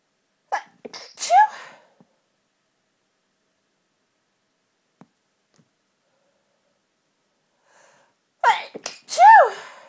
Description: tortured sneezy nose at christmas.... Happy Christmas x